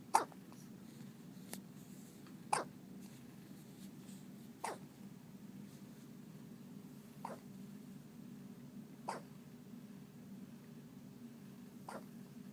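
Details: Six short, sharp hiccups about every two seconds against a steady low room hum; repeated hiccups.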